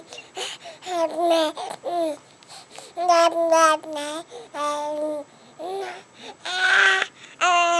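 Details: Baby recovering from bilateral vocal cord paralysis/dysfunction, with vocal cord nerves recovering and no medication used, starting to vocalize and talk; infant vocalization during vocal cord paralysis recovery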